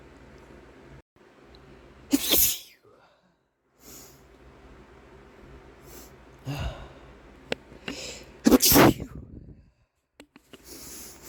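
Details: Two loud explosive sneezes, each preceded by a sharp inward breath, with quieter sniffs and breathing between, from a male in a small room; clips from several sessions of sneezing.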